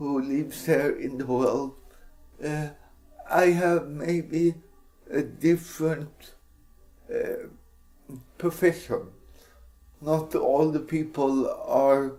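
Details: Dysarthric speech in an adult man with cerebral palsy.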